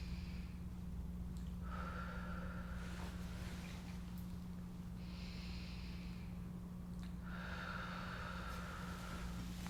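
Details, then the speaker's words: Real adult woman, medical roleplay physical exam, lung auscultation: three slow, deep breaths in and out over a steady low hum; no crackles heard, normal vesicular breathing. "I wasn't able to hear any crackles or any (inaudible) releasing and just normal vesicular breathing"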